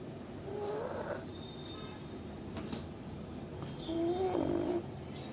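Steady snuffling, whistling breaths with nasal squeaks over constant background hiss; a sleeping flat-faced dog snoring.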